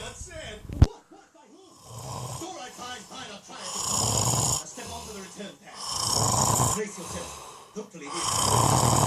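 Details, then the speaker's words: Adult woman asleep, loud rough snoring in long rasping breaths with brief pauses, described as sounding unusually congested that night: heavy snoring during sleep. "so I'm trying to go to sleep you homeboy are snoring so loud"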